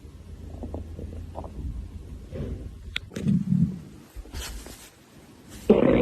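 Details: Hungry young woman's stomach: irregular low gurgling and rumbling belly sounds; typical hunger growling, normal bowel sounds (borborygmi).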